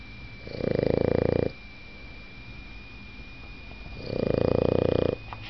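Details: Asleep in bed, peeking while snoring: two long, rapidly fluttering snores on the breath in, quieter breath out, faint background hum; snoring, not even as loud as he gets.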